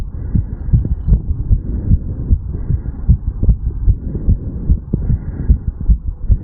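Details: Heartbeat of a 35-year-old male recorded over the mitral area just after an afternoon walk/sprint: fast, steady, low thumping beats at roughly 150 a minute over a faint rumble.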